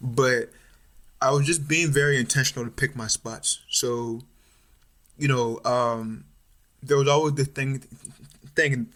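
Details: Stuttering in an adult male third-year medical student, more pronounced since about age 6 or 7, with family history (mother and uncles stutter); now overt, with blocks, facial tension and eye squeezing.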